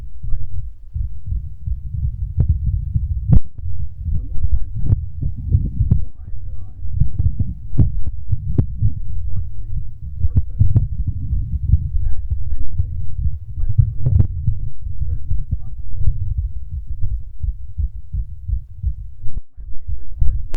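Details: Adult male's fast heartbeat picked up by a microphone: muffled, rapid low thumping under a steady low rumble.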